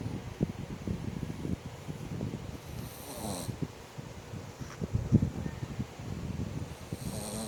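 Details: Snoring.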